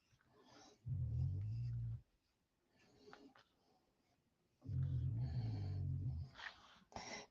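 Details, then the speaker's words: A pet sound asleep in the background: two low, rumbling snores about three seconds apart, each lasting one to one and a half seconds; ordinary snoring. "If you can hear the snoring, it is Savannah. She is, of course, sound asleep."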